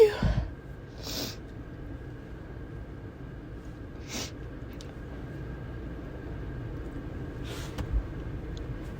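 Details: Uncontrollable repeated sneezing in a car: several sharp sneezes a few seconds apart over steady car noise.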